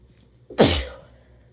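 A single forceful sneeze: a brief intake, then a loud explosive burst of air fading over about half a second in a quiet room.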